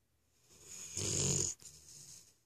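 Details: Snoring in a sleeping dog: a single rough, snorting breath.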